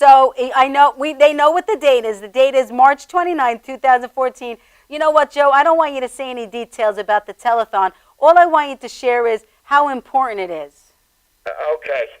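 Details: Adult woman speaking; ordinary speech.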